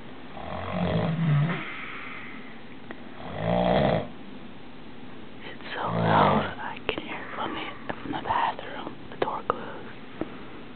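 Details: Loud, rough, rattling snoring from a person asleep in a shared hotel room, so loud a roommate moved to sleep in the bathtub; snores repeat every few seconds with shuffling noise between; ordinary heavy snoring.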